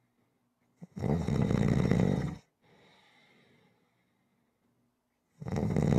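Loud, harsh rattling snores on inhalation with a softer breath out between them: typical snoring.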